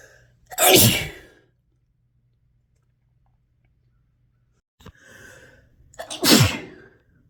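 Two forceful explosive sneezes separated by silence, the second preceded by a short intake of breath.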